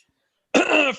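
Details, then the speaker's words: Single short, harsh, partly voiced isolated cough from an adult man during podcast conversation, after a brief silence. "Sorry, I had a cough in my lungs. had a cough. You should get some water for that."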